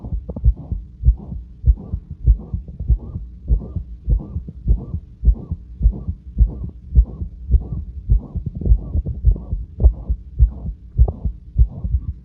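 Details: Heart auscultation of own heart at rest with a constant murmur that varies in intensity, here unusually loud and harsh: regular beat near 100 a minute with loud harsh whooshing each beat.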